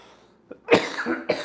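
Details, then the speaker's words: Adult streamer's coughing fit, attributed to acid reflux attacks: a brief throat catch, then a strong, harsh cough with a rattly tail and a second cough starting; a cough fit. "I apologize for the coughing, you guys."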